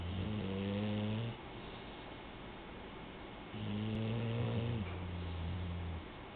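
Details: Young girl snoring while asleep: two long, loud, low buzzing snores with quiet gaps between; ordinary snoring in a sleeping child.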